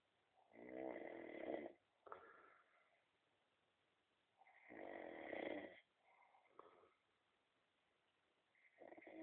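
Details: Heavy snoring: loud, rattling snores on each in-breath, each followed by a quieter exhaled breath, at about 15 breaths a minute.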